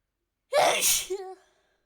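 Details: A single sharp, explosive sneeze with a brief voiced tail; the clip is described as sneezing and coughing, with the coughs toward the end, and the sneeze is possibly not natural.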